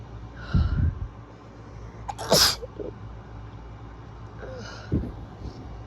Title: STRONG and rapid sick sneezes